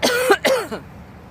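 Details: Adult on day 6 after COVID-19 exposure, achy and awaiting test results: two quick, harsh, partly voiced coughs, then quiet; cough.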